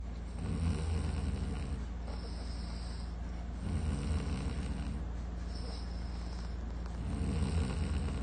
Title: Snoring 100%😅#fypshorts #fypyoutube